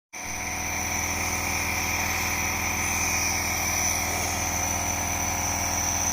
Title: I am getting Neubalaization For Cold Fever and Cough😤😤😤